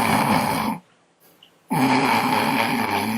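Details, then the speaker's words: An adult vocally imitates another person's closed-mouth nasal snoring during sleep: two rough, rattling nasal breaths separated by a brief quiet pause. "this is snoring with your mouth shut okay listen carefully"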